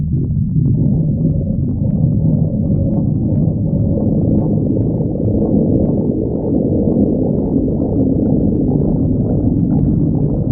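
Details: Stomach growling (borborygmi): continuous low, gurgling rumbles with shifting, drawn-out tones, like fluid and gas moving through the gut.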